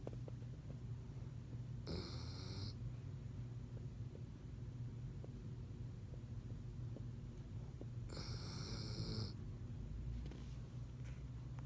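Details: Snoring during sleep: a steady, low, rumbling breath noise with two brief hissy bursts.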